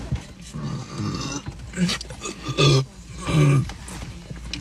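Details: Adult woman burping uncontrollably after drinking Coke: two loud, deep, drawn-out burps over background music and room noise.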